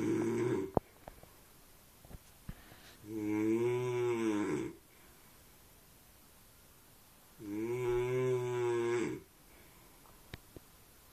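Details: Sleeping man snoring: loud, drawn-out tonal snores, each almost two seconds long, with a low mooing, cow-like quality.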